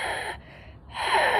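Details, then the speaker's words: An adult imitates a slow, noisy out-breath with a thin whistling edge: a slower expiratory wheeze, which can fit an asthma attack rather than the more rapid wheeze of bronchitis. "That causes wheezing, so a noisy whistle when you breathe out. So if that's fairly rapid, it's often bronchitis."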